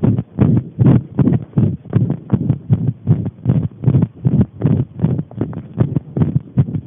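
Fast, steady, muffled thumping beats, roughly 150 repeats a minute, likely paired heart sounds; a heartbeat recording.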